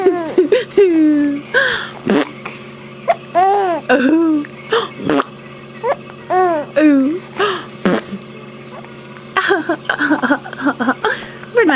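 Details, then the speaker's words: Baby girl giggling and babbling, broken by about three sudden, sharp hiccups; hiccups interrupting giggles. "Yeah. You got hiccups. It's ruining Giggles."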